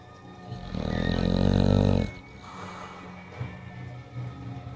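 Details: Snoring.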